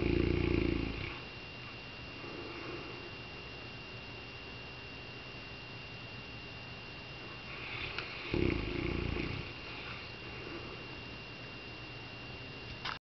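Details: Sleeping Saint Bernard, said to be dreaming: two deep, rumbling snores about eight seconds apart, with steady room noise and a faint high tone between; snoring.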